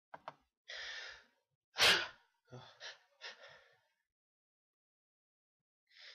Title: sneezes